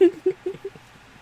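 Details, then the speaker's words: Performed character-voice sneezes: a quick run of four tiny, squeaky, kitten-like sneezes fading one after another, described as perfectly normal sneezes. "busy sneezing. Perfectly normal sneezes. It sounds like a little kitten."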